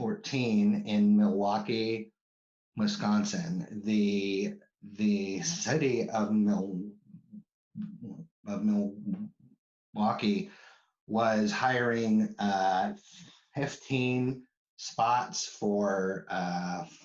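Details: Adult man who stutters, with word repetitions; stuttering.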